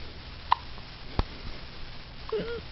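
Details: Two sharp, brief hiccup sounds about 0.7 seconds apart, then a soft voiced sound in a quiet room; hiccups.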